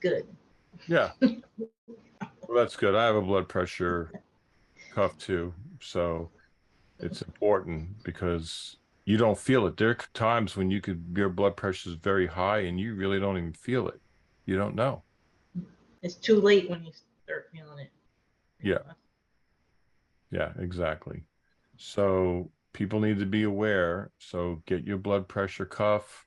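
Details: Adult speakers in conversation; normal speech.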